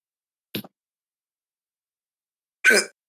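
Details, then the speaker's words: Hiccupping during a podcast recording: two sudden, brief catching sounds about two seconds apart in an otherwise quiet room. "okay can you hear me hiccup every time yeah a little bit it's fine"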